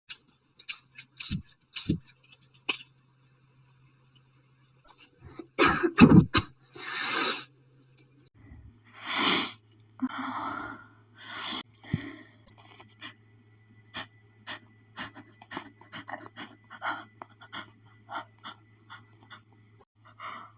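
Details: Woman's sneezing fit, thought to be an allergic reaction to perfume: a rapid run of several loud sneezes with catching breaths between, then many quick small sniffles and hitches.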